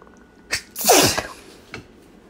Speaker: Voy a estornudar. Ay, perdón. Otra vez. Necesito estornudar. Ahí viene.